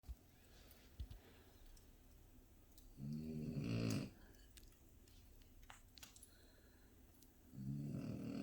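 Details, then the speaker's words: French Bulldog sleeping by a fire snoring: two rumbling snores about four seconds apart with crackling fire noise between. "Phoebes, you're snoring, girl."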